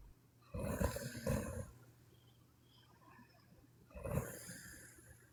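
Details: A sleeping Chinese woman snoring: low, rattling snores on two breaths in, with quiet breathing between them, over a steady low hum.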